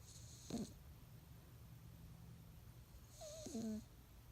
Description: Alex snores with his tongue out while sleeping. It's only cute because he's a cat. 😸